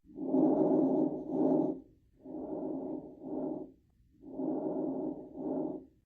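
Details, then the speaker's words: Lung auscultation teaching example: one clear normal breath cycle, then two noticeably fainter cycles, showing normal breath sounds followed by diminished breath sounds. "and lastly we have diminished breath sounds just like the name suggests"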